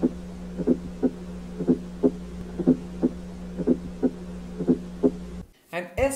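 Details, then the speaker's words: Regular heartbeat near 60 a minute with a soft extra sound from atrial contraction just before S1. A fourth heart sound (S4 gallop), typical of a non-compliant left ventricle. "now talking about the fourth heart sound s4 which comes before s1 and is usually present in non-compliant left ventricle"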